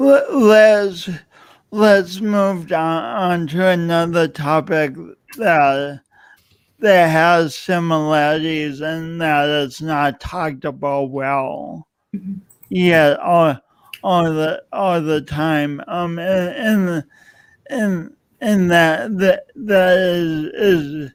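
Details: Adult man with a self-described speech impediment of unnamed type; stuttering (speech disfluency).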